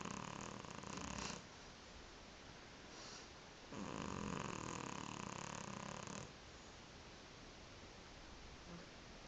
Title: Tifi the snoring cat